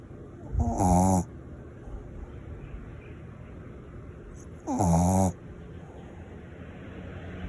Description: Shirley, a small mixed Shih Tzu can out-snore a person.